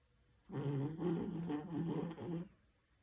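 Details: Corgi snoring: one long, rumbling, fluttering breath with a throaty vibration.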